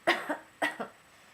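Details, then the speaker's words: Demonstrated imitation cough into the elbow by nursing students teaching proper cough technique: two short deliberate coughs, each a quick double burst, muffled by the arm. "if you feel like you have to cough what you're supposed to do is you're supposed to put your mouth right into into your elbow and you cough just like this"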